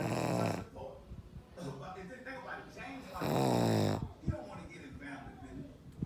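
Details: Very loud heavy snoring: loud, rattling, buzzy snores on each breath in, with quieter breathing between them.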